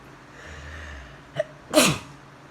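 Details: Morning allergy sneeze: a quick catch of breath, then one sharp explosive sneeze.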